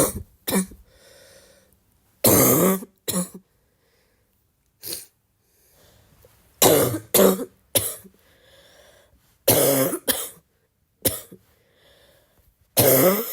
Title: how would you describe my cough?